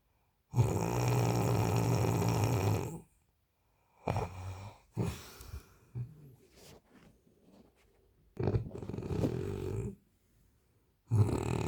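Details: Loud, low rattling snores in irregular bursts separated by short pauses, typical of heavy snoring during sleep.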